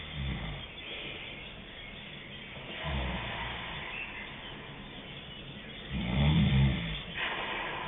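Low rattling snores on three breaths about three seconds apart, roughly 20 breaths a minute, with a quiet rumbling background between them.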